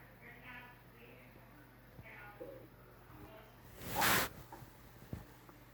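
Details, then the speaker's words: Adult's stomach after a breakfast of pancake, Rice Krispies cereal, orange juice and milk: soft gurgling, squeaky rumbles and a louder gush, ordinary borborygmi (bowel sounds). "Whoa, there it goes. Had a few rumbles of my stomach. Sure enjoying my breakfast."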